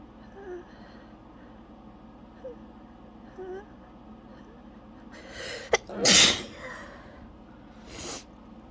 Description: it's always a fun challenge to try and stop sneezing after i've started, even though i never can. this fit left me breathless, you can hear how lightheaded i was by the end there